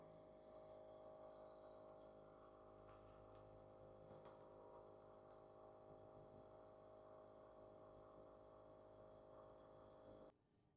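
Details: Compressor nebulizer demonstrated with a face mask, from unboxing to first use: steady mechanical hum and buzz of the compressor running, which stops abruptly near the end when it is switched off.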